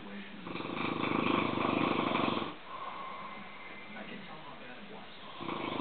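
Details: Rough, fluttering snoring from two sleepers with overlapping snores, muffled low-quality night recording; two Italians snoring.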